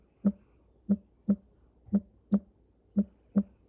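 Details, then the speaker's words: Human heartbeat played as an example of a healthy heart's rhythm: regular low single thumps, about 116 beats a minute, steady. "That's the sound of a human heartbeat. Loved dub. Loved dub. Loved dub."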